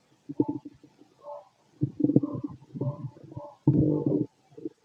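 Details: Stethoscope auscultation of the abdomen of a fit adult male: irregular gurgling and rumbling bursts, ordinary stomach growling from active bowel sounds.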